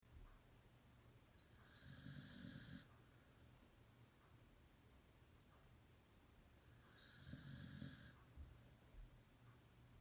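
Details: Two deep, rumbling snores with whistly edges, one per breath, about 11 breaths a minute; snoring.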